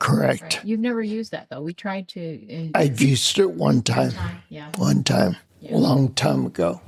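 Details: Adult man with spinocerebellar ataxia of unknown cause, a rare neuromuscular disease; slurred speech began around 1999, with difficulty being understood on the phone; also mobility problems and noise-induced anxiety; ataxic dysarthria.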